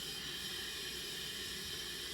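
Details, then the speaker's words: Steady, even hiss of oxygen through a CPAP mask, flow 12 L/min, PEEP about 5, while the seal is checked, in a demonstration of CPAP setup for congestive heart failure or flash pulmonary edema. "Uh for this purposes, we're just going to do straight CPAP. So we have our liter we have our flow set to 12 liters per minute."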